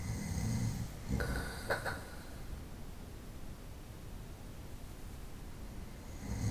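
Soft low rumbling snore at the start and end with a snort-like burst, separated by a long quiet stretch of room hiss.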